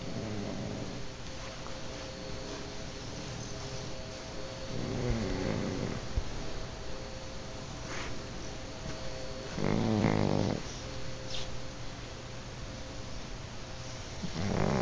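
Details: Pugs asleep in owner's bed, snoring: low, fluttering snores from a sleeping flat-faced dog over a steady room hum.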